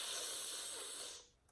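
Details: Speech-language pathologist imitates a child's lateral lisp on /s/ with a straw before the teeth, air escaping over the tongue sides so no airflow comes down the straw; acted lateral lisp.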